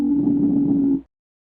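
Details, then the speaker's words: Lung auscultation: wheeze, a continuous high-pitched adventitious sound, heard as a steady musical whistling tone lasting about a second through the chest. "los ruidos continuos agudos y adventicios se denominan sibilancias poseen un ruido silbante o semejante a la tos y con frecuencia presentan una cualidad musical"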